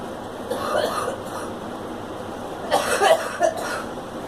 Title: Girl coughing